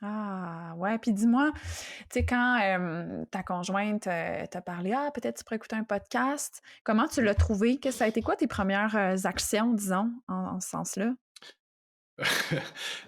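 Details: Adult woman speaking French; normal fluent speech.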